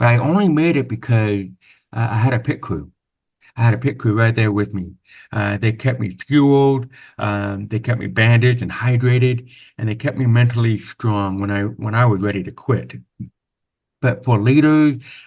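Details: Deaf speech (hearing-loss accent) in a man born with very severe/profound hearing loss (about 90%), with over 13 years of speech therapy; real, not acted.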